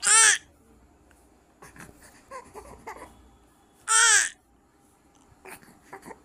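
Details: Newborn on day 2 of life crying during a bath while held on the bather's legs and the back is washed: two short, loud, high-pitched cries separated by quiet, with splashing and handling sounds. Ordinary newborn crying.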